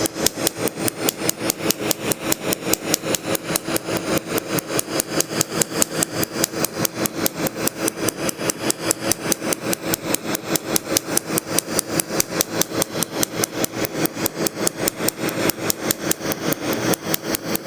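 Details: Steady rapid clicking pulses, about two to three per second, from a laser tattoo removal device firing during a first removal session on an adult's chest tattoo.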